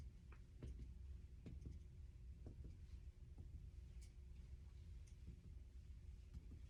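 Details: Resonant percussion note during a head-to-toe nursing assessment chest exam, before lung auscultation found no wheezes or crackles bilaterally.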